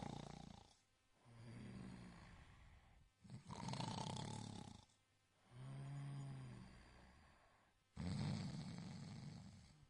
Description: This tiny kitten fell asleep… but wait until you hear the snore! 😂🐾